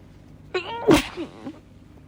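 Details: Induced sneeze from an adult woman: a voiced, rising intake breath, then a sharp explosive burst and a soft trailing sound.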